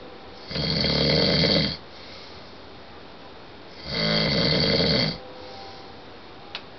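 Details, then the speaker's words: Snoring from a husband asleep in bed, loud enough that his wife warns he could hurt his throat: two loud, rough, rattling snores about three seconds apart with quiet breathing between. "you're snoring really loud and I finally got you on tape"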